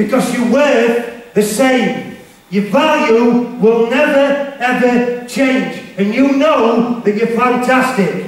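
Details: Stuttering in an adult male motivational speaker who says he has a stammer/stutter and was referred to a speech therapist; real, not acted.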